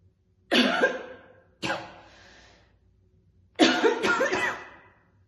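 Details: Woman chain-smoking two cigarettes in a real session, coughing heavily with occasional spitting: three heavy, harsh coughing bouts, the last a double burst, in a quiet room; a strong, rough smoker's cough.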